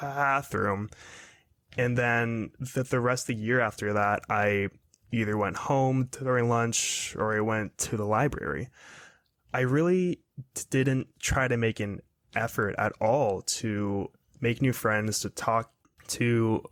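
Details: 22-year-old man who has stuttered his whole life, recently reaching confidence and acceptance of it, speaking in a real podcast interview; stuttering.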